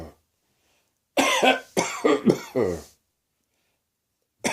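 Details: A run of four harsh, voiced coughs in quick succession, a dry, throaty cough. Woke with a sore throat and began coughing soon after; possibly the start of a summer cold.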